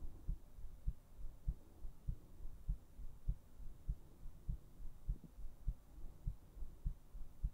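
Steady, regular low thuds at about 100 beats a minute over a soft background hum; a heartbeat.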